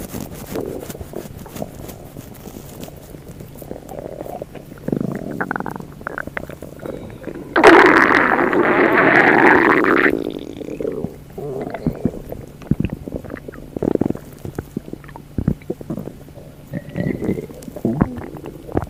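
Gurgling, bubbly abdominal rumbles with a loud prolonged gurgle in the middle, typical of stomach growling.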